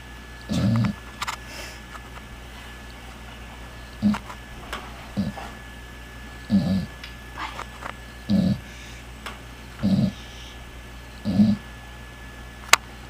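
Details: Loud, low snorting snores from a sleeping pet dog, roughly every one to two seconds, in a quiet room; dog snoring.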